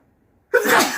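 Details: A single sudden, forceful, wet-sounding sneeze after brief silence.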